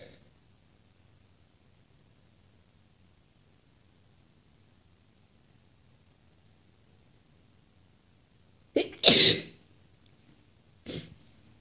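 Quiet room, then a sharp inhaled catch and a loud wet explosive sneeze, followed by a second smaller sneeze.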